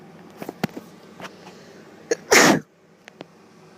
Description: Sneezing girl, Sneezy